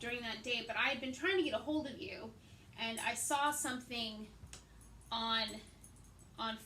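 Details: Adult woman with aphasia after a hemorrhagic stroke in May 2020, treated with brain surgery and ICU care; she also has right-side hemiparesis and reading and writing difficulties; aphasia.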